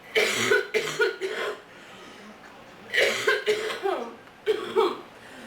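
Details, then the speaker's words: Acted cough from someone saying their allergies are bad, they feel sick and have a sore throat: three bursts of short, rapid coughs, performed rather than genuine. "My allergies are so bad. I'm so sick. It's so bad. Mm. I wish I had some cough medicine. I'm so sick of being sick."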